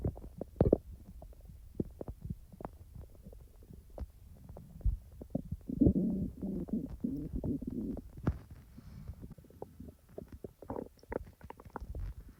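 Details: A person's own real stomach sounds, recorded not in real time: gurgling, bubbling abdominal rumbles with soft clicks and a longer gurgle run, normal active bowel sounds (borborygmi).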